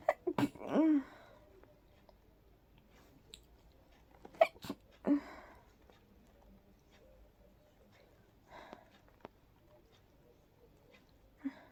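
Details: Two soft, breathy, partly stifled sneezes with short sharp intakes while sleepy and trying to fall asleep, then quiet breathing and a faint sigh in a quiet room; allergy sneezing, possibly triggered by pollen.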